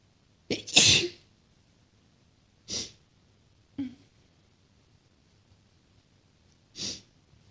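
Four sharp, hissy sneeze bursts spaced a few seconds apart in a quiet room.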